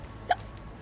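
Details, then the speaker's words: Single brief, sharp hiccup-like vocal sound from a girl aged about 14–15 at recording, later diagnosed with Tourette syndrome; her tics sounded exactly like hiccups; hiccup-like vocal tic. "no you can see that also how long and like nice is my hair in that i really like it um anyways so you can see that they look like hiccups they sound exactly like a hiccup"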